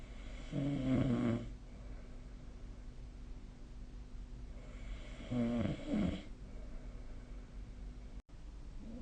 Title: 🐽 いびきの音 / Snoring Sleep Sound 2025/05/21